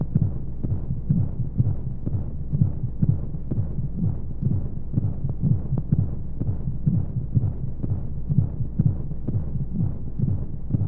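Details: Baby sleep-aid womb sound with white noise: steady, muffled, rhythmic low heartbeat thumps under continuous soft hiss, as heard from inside the womb.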